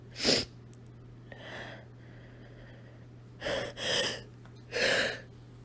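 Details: Woman sneezing repeatedly after deliberately taking deep inhales from a chili powder shaker: four explosive sneezes, some with a quick gasping in-breath before them, over a low steady hum, recorded on a phone.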